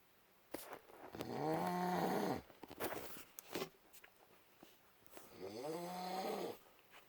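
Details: Husband snoring loudly during sleep: two long, buzzing, fluttering snores on breathing in, with quieter breaths between; snoring.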